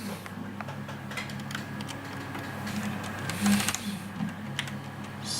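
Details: DIY open-source 3D-printed prototype ventilator, stepper-motor driven, with inhale/exhale timing: steady motor hum with mechanical clicking and whirring in a small room; mechanical ventilator running.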